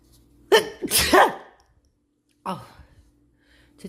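A sharp inward breath followed by an explosive sneeze, then a second smaller sneeze burst. This is ordinary sneezing in a quiet room.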